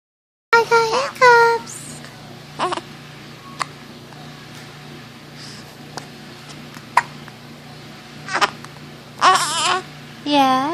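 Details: Baby boy aged 3 weeks 1 day babbling and fussing, with several brief, sharp catching sounds between vocalizations over steady room hum: infant hiccups.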